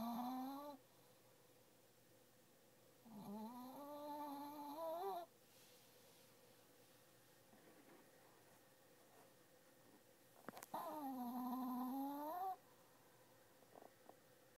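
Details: Female asleep under a desk in the morning, a usual habit, snoring with three drawn-out, tonal, whistling snores on in-breaths about seven seconds apart, with quiet pauses between.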